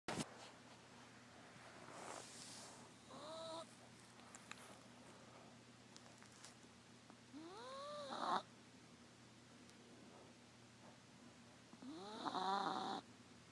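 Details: Three snorting breaths in, each ending in a rising whistle-like squeak, over a steady hum: a sleeping 3-pound apple-head teacup Chihuahua snoring, recorded at night.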